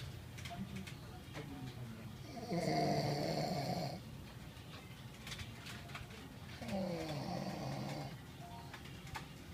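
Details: Snoring: two long, loud, buzzing snores about four seconds apart, with quieter breathing and small clicks between; ordinary snoring.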